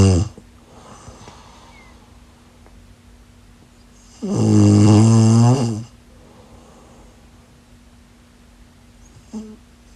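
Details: A person snoring in sleep: one loud buzzing snore of about 1.5 seconds, then quiet breathing and a faint short snort.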